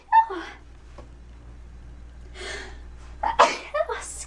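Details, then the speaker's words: Woman getting ready for boxing class, trying not to sneeze: a brief sharp breathy stifled sneeze, with a gasp and short vocal sounds around it in a small room. "and yeah I'm gonna sneeze ah don't sneeze"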